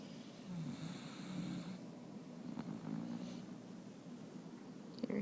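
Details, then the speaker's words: Labrador snoring with its eyes wide open while lying on top of its owner: soft, low rumbling breaths with a faint whistling edge, a light snore. "snoring with his eyes wide open, on top of me."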